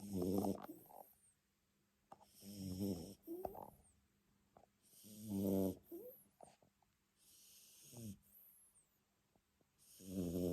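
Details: Sleeping Jack Russell Terrier snoring: rough, fluttering snores on each breath with softer exhaled puffs, about 12 breaths a minute.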